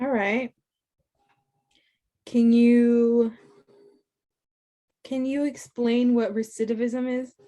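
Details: Adult speaker; fluent speech.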